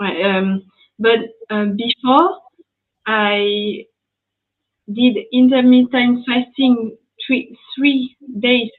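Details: French woman, ischemic stroke at age 22 in July 2011, mute for 10 days, then spoke very badly even in her native language; a year of rehabilitation, still recovering speech, here speaking English; post-stroke aphasia.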